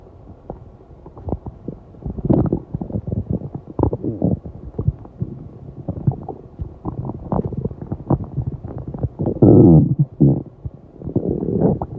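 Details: Low gurgling, rumbling abdominal sounds with a louder growl near the end; stomach growling after a 7-hour fast.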